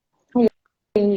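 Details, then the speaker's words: Pediatric clinician imitates a child's barking cough with stridor, a sign of severity that needs emergency care: a short, hoarse, voiced bark, then a longer high-pitched crowing breath. "esa es una tos perruna y un estridor nosotros lo llamamos estidores ese sonido que se que suena así entonces decimos este niño lo tengo que llevar a urgencias"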